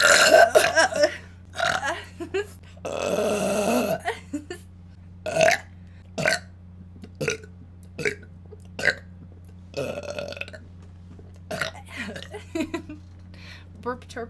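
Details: Female, repeated loud, throaty belches of varying length, some long and drawn out, over a low steady background hum; burping.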